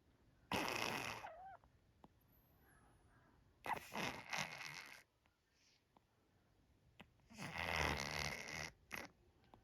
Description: Todd the cat snores and licks in his sleep. 😆